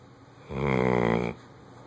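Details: Bloodhound: one loud, deep, vibrating snore lasting under a second; loud snoring.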